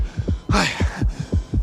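Steady low paired thumps in a regular lub-dub rhythm, with a brief whooshing noise over part of it; a normal heartbeat.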